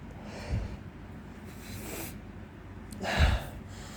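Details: Male after a gym workout, home in spring, breathing heavily with itchy nose, suspects outdoor plants set it off: heavy breathing broken by two sudden stifled nasal bursts; sneezing.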